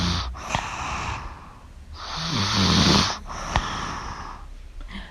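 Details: Snoring from a person sleeping beside the speaker, heard in the background while she reads a book aloud.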